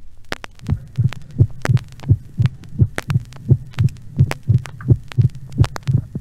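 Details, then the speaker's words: Vintage teaching-record recording at the cardiac apex of mitral stenosis: regular heart sounds at about 86 a minute with a sharp extra click after the second sound. Opening snap of mitral stenosis. "encore un rétrécissement mitral écouez très attentivement le bruit de rappel ou claquement d'ouverture de la mitrale enregistré dans la région de la pointe du cœur"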